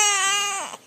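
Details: Infant daughter with hiccups cries after her father tries to scare the hiccups away: a single sustained, steady high-pitched cry that falls away at the end; hiccups persisted.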